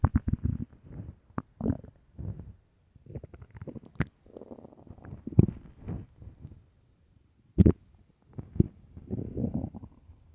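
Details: Repeated low gurgling and rumbling bursts with short gaps, early-morning stomach growls; borborygmi.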